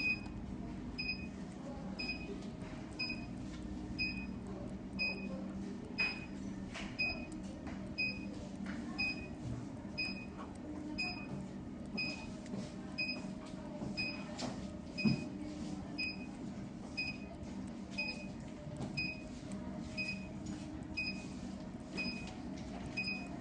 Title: 2: 980nm Diode Laser Vascular Vein Removal Machine NIW Surgicals